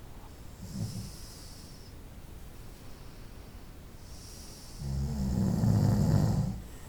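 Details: Night-time snoring recorded over about 25 minutes: a short snore, then a longer, loud, rough snore on the next breath, over faint hiss.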